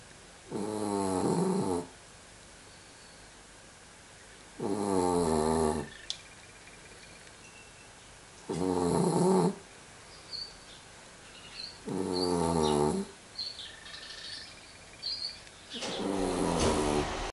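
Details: Sound asleep and snoring: regular rattling snores on each in-breath, about 16 a minute, with quiet pauses between; ordinary snoring.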